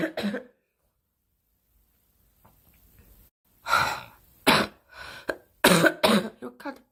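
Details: Young woman coughing during a live stream: a string of harsh, explosive coughs in short bursts, with a pause and faint breathing between them in a small room.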